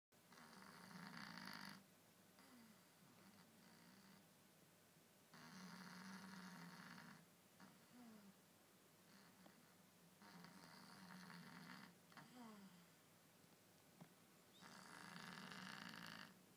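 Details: Loud, rasping snores about every four seconds with a short whistling note between them, roughly 15 breaths a minute; heavy snoring in a sleeping cat.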